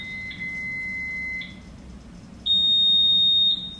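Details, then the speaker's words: Baxter Flo-Gard 6201 IV infusion pump switched on with the on/off charge button: two steady high-pitched electronic tones, a short one then a longer higher one, before setting a primary rate of 50 mL per hour. "next we're going to go in and turn on the pump and set our primary rate and our volume to be infused so you're going to push the onin off charge button here"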